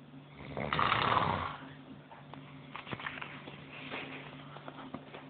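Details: Man snoring in his sleep after a day of partying in Ibiza: one loud, rough snore on a breath in, then quieter noisy breathing with faint room sound.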